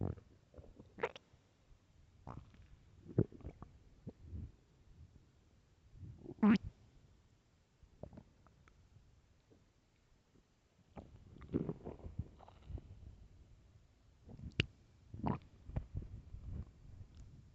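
Loud, irregular gurgling and growling bursts from the belly, some long and rolling, others short squeaks; ordinary bowel sounds.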